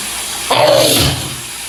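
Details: Adult male in the shower; a single forceful sneeze over the steady hiss of running water: sneezing.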